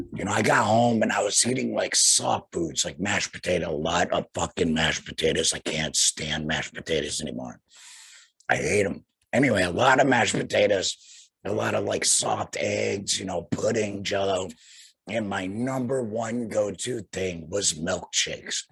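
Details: Tracheoesophageal speech in a young man about two years after total laryngectomy for cancer, followed by radiation; he speaks through a flanged, vibrating voice prosthesis and breathes through a neck stoma.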